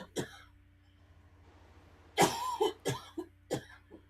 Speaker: I don't know if you can hear her coughing in the background, but in the room as well.